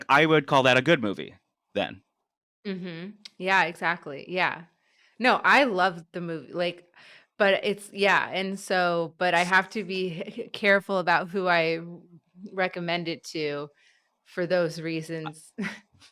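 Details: An adult male who has stuttered all his life; stuttering.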